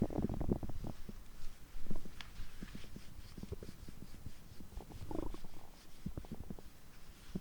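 Low gurgling and rumbling with scattered squelches in a quiet room; ordinary stomach growling from digestion.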